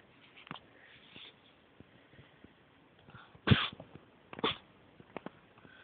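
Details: Cat in a roughly 10-minute paroxysmal sneezing attack, fighting each sneeze: two sharp sneezes about a second apart, with a smaller burst earlier.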